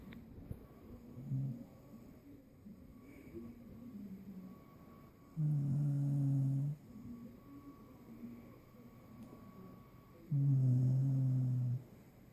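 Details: Puppy sleeping after a long day, with deep, steady, buzzing snores lasting over a second each, about every five seconds, in a quiet room; loud snoring.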